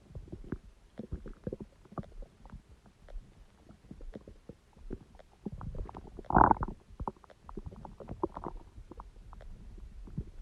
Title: Stomach sound and noise | My Stomach Makes Noises